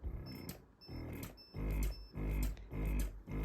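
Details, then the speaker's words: Spectra Synergy Gold breast pump on the right side in massage mode, vacuum level 1 of 5, cycle being increased; quiet rhythmic low mechanical pulsing about 100 cycles a minute; breast pump running. "so after I turned it on I'm going to hit r and it's really quiet so now it's on vacuum one but it goes as high as five and again even on five it's still pretty quiet"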